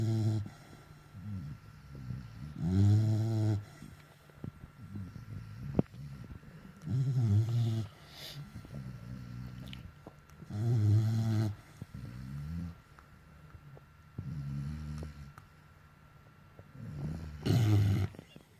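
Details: Pitbull sleeping in its owner's arms: repeated deep rumbling snores, about six over eighteen seconds, with softer snuffling breaths between them; snoring.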